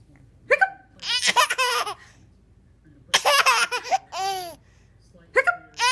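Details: 6-month-old baby girl with hiccups: short, abrupt catches mixed with laughter and babbling.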